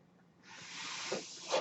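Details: Breath cycle from the podcaster's own mechanical ventilator, audible in the background of a real spoken recording.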